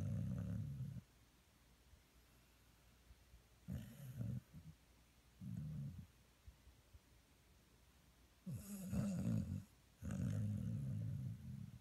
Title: Jebus Snoring 2